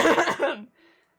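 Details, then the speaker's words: Mildly ill adult gives one harsh, throaty cough trailing into a short voiced sound. "excuse me also the coughing is coincidental i realized that sounded so suspicious i needed to cough and it sounded so bad oh well i'll leave it"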